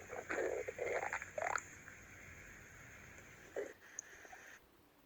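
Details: Short bursts of gurgling, growling noise over a steady hiss, a cartoon stomach-growl sound effect rather than a real body sound; stomach rumbling.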